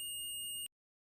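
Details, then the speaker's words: Omnipod DASH insulin pump: a steady, continuous high-pitched tone from the pod or PDM that stops abruptly; high-priority hazard alarm signalling a serious problem requiring pod change, e.g. empty reservoir, occlusion or pod error. "Les alarmes de danger s'accompagnent d'une tonalité continue pour vous alerter quand le pod ou le PDM requiert votre attention immédiate."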